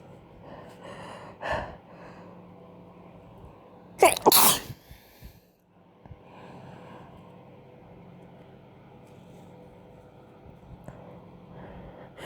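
Quiet room, a brief nasal lead-in, then a sharp double sneeze burst followed by quieter breathing.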